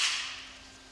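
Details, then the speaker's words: Respimat soft mist inhaler held upright with cap closed, clear base turned in the direction of the red arrows while preparing it; a single short, crisp click as it locks. "Tournez la base transparente dans la direction des flèches rouges sur l'étiquette jusqu'au clic."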